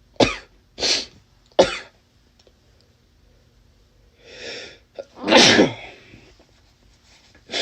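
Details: A run of about five sharp, explosive sneezes, some preceded by a drawn-in breath, in a quiet room, from a man with a cold; sneezing fit.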